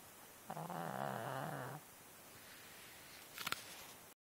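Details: A little dog asleep, giving one loud, rumbling, vibrating snore lasting over a second, then quiet breathing and a brief snort; snoring.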